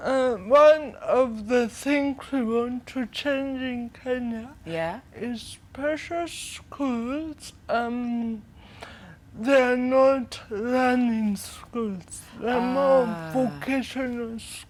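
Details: Dysarthria in a 25-year-old woman with cerebral palsy from brain damage due to lack of oxygen at birth during prolonged labour, affecting leg and hand movement, coordination and speech.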